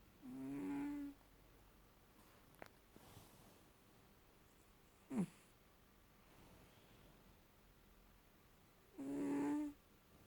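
Soft, short, faintly whistling snores from a sleeping cat, with a long pause between breaths and quiet room noise.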